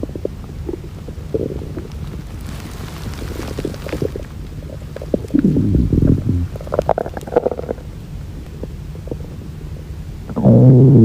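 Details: Hunger-related stomach growling (borborygmi) from a girl: low gurgling and rumbling over a steady background hum, louder near the end.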